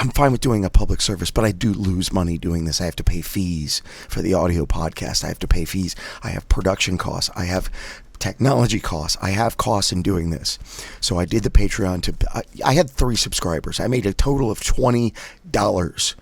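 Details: Adult man with spasmodic dysphonia doing voice exercises with a Forbrain device, voice rough on first day back after a break, with prior surgery to remove a vocal cord polyp; spasmodic dysphonia.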